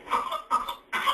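Two short, harsh cough bursts from a child in a quiet room, part of a whooping cough (pertussis) coughing spell.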